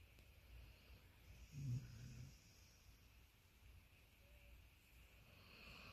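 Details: Labradoodle dog deeply asleep in a relaxed pose, snoring and making sleep-talking vocalizations.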